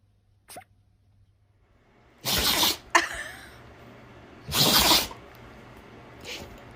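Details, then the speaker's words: Dog sneezing: two sharp, hissing nasal bursts a few seconds apart over faint room noise. "okay what happened good good sneeze brady good sneeze"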